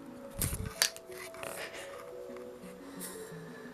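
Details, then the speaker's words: Person with cold urticaria having an allergic reaction despite antihistamines, with hives, wheezing and painful lungs: a brief click and hissing burst of a metered-dose inhaler puff over soft background music. "I'm trying to find my inhaler. And my lungs hurt"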